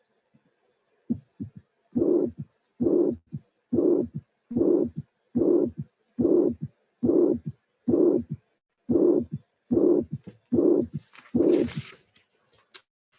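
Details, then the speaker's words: Mitral regurgitation: regular heartbeat about 71/min with a soft blowing systolic murmur, heard immediately after an aortic stenosis recording for comparison; aortic stenosis murmur harsh, mitral regurgitation murmur soft. "these were two consecutive sounds two consecutive sculpted refining the first one was ortix stenosis systolic and rash uh and the second one was mitral vegetation systolic and soft"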